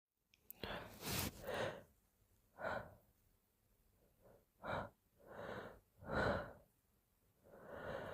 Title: Very wet sneezes and gentle moans ~ #sneeze #sneezing #snz #wetsneeze